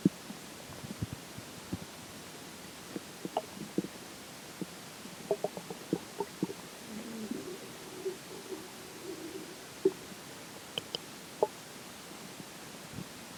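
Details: Digestion stomach growls at the point where water and air start taking major effect: quiet scattered clicks and pops with a brief soft gurgle over hiss, faint bowel sounds (borborygmi).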